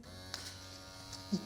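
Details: Steady low electric buzz of a Dr. Pen M8S microneedling pen switched on to test it, with faint room noise. This is before first-time at-home microneedling of buttock stretch marks with an 18-needle cartridge at 1.0 mm depth.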